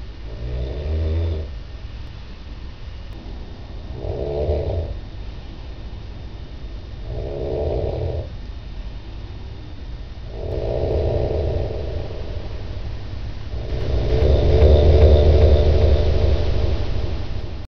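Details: Snoring during the night from a plump snorer in Copenhagen: regular low rumbling snores, about one every three seconds (around 20 a minute), growing louder toward the end.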